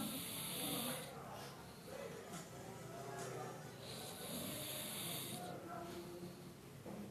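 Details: A child snoring during sleep: noisy, rough breathing sounds over steady background noise.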